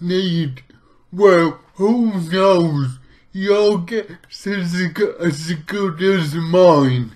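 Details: Adult man with lifelong athetoid-type cerebral palsy, which he says affects pretty much his entire body; finding: dysarthria in athetoid cerebral palsy.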